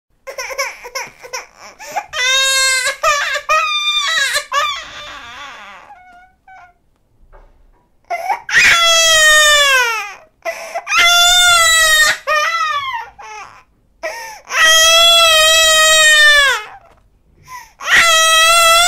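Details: 8-month-old baby: loud, drawn-out crying wails with short whimpers and gasping pauses between bursts; infant crying.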